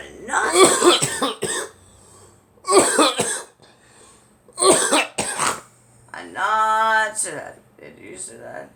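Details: Girl coughing: three clusters of two or three quick coughs, then a drawn-out voiced vocal sound; repeated short bouts of coughing.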